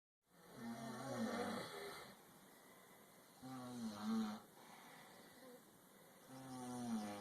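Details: Slow-motion playback: slow, low rattling snores in a regular rhythm, drawn out by the slowed audio; snoring.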